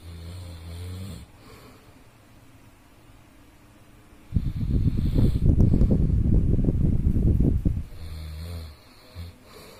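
Low rattling snore lasting several seconds between quieter breaths, with faint room hiss; ordinary adult snoring.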